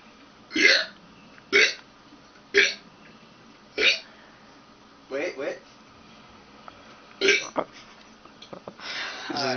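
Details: Male's repeated burps: about six short, loud throaty bursts at roughly one-second intervals, with room noise between them. Burping.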